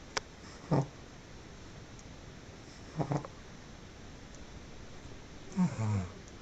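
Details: Pekingese dog snoring in sleep: three low, rough snorting breaths a few seconds apart over a steady hiss.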